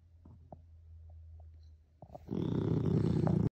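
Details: French bulldog snoring: soft snuffling, then a loud, harsh, rattling snore from a flat-faced dog breathing through a narrowed airway.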